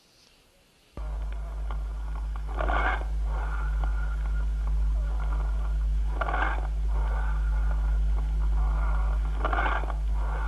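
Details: Cavernous breath sounds heard on the chest, in a teaching demonstration of lung auscultation.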